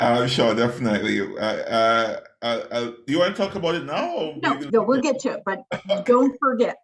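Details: Adult woman who stutters, noting fasting and poor sleep take a toll on her speech; stuttering.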